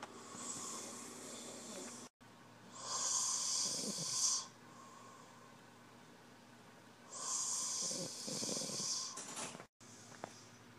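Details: Loud snoring during sleep: slow, hissing, rattly breaths about 14 a minute, with a harsh inhaled snore on each.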